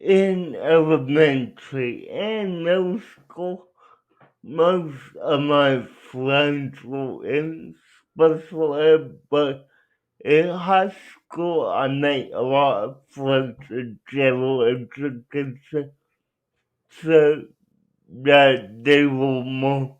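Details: Adult male speaker; dysarthria (cerebral palsy).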